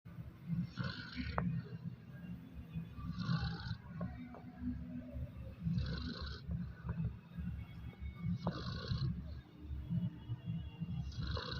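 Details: Sleeping dog on New Year's Eve with low, rumbling rhythmic snores, about five breaths repeating at a steady pace, with faint background noise; ordinary snoring.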